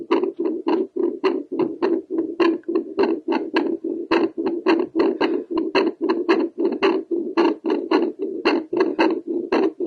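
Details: Doppler heartbeat from an adult woman after doing squats to raise her heart rate: rapid, whooshing, pulsing beats at roughly 110 a minute, a fast heart rate after exercise.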